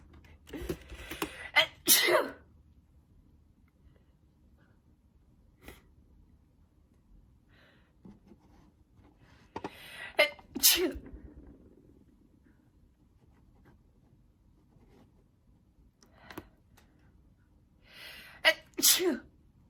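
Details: A person has a sneezing fit on a live stream: three bursts of sharp sneezes, some in quick pairs, over about twenty seconds, while staying muted mid-attack.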